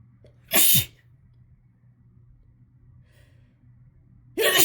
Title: Chhinkni induced harsh sneezing fit plus nose blowing